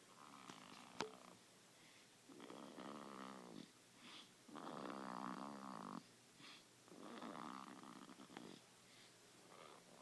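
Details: Sleeping child snoring while seated in a car seat: rhythmic, buzzing breaths roughly every two seconds, about 26 a minute, with quiet pauses between.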